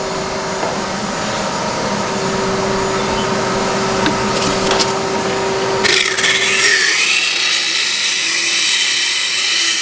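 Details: Rough rhythmic grinding and rasping with motor hum, then a higher whine: a diamond-coated power dental float filing a horse's tooth enamel; the horse feels vibration, not pain.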